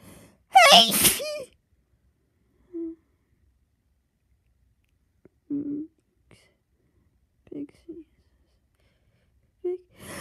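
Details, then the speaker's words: Person half-asleep after taking sleep medication, sneezes induced by tickling the nose: one loud explosive sneeze with sharp intake, followed by soft sleepy murmurs; sneezing. "I keep sneezing. I'm tired. I sneeze."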